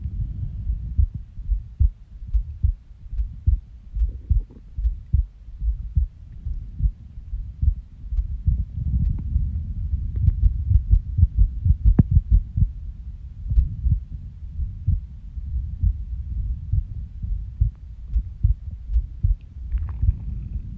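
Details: Person's resting heartbeat recorded after waking from a nap, heart skipping: muffled low thumps with uneven spacing and occasional pauses where a beat seems dropped; irregular rhythm with skipped beats, with stomach growls.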